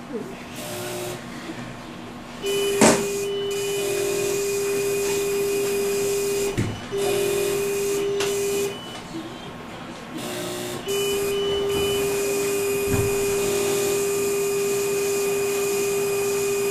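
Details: Phacoemulsification machine running during a no-vacuum phacoemulsification cataract surgery: steady machine tone that starts and stops, with beeps and hissing room noise.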